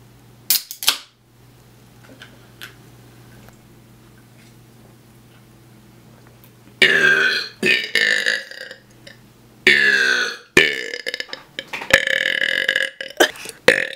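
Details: Cousin burping deliberately: a series of loud, long, voiced belches, several in quick succession after a short quiet stretch.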